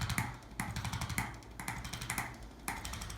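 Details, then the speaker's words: Chiropractic adjusting instrument clicks: rapid runs of sharp spring-loaded mechanical clicks and taps applied along the spine of a face-down female patient with headaches, trigger points and tight upper-neck muscles, to decompress the spinal joints. "so this is an adjusting instrument that I use and what it's designed to do is just decompress each one of these spinal joints which will relieve some pressure all the nerves to work the way they're supposed"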